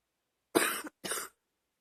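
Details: Two harsh, loose, chesty coughs in quick succession, a wet productive cough moving mucus.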